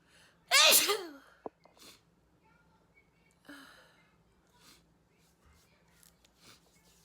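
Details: Woman sneezing: one loud, explosive sneeze with a sharp intake before it, then faint breathing and quiet room sounds.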